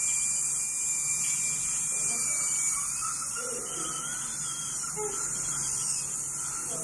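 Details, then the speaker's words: Dental drill during an emergency dental appointment, apparently for a filling: a continuous high-pitched whine with a steady hiss and faint room sounds; the patient says she cried while they were drilling. "for the very first time I started crying like I cried why they were Drilling in there"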